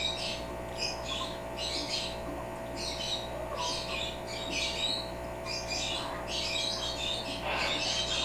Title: African Grey Sneezing